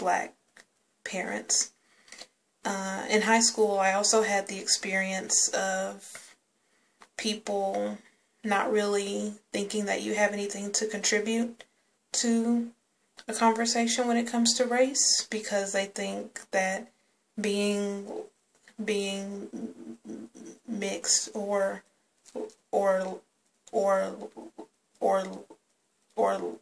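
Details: Woman who stutters and also has tics, speaking spontaneously; stuttering with word repetitions.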